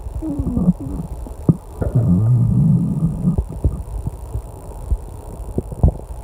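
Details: Loud stomach growling during online testing: low rumbling, gurgling growls with scattered clicks over a steady room hum from a loud clock and air conditioner; ordinary borborygmi.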